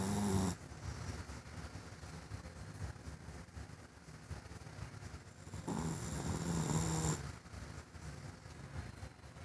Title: Dark video of gus snoring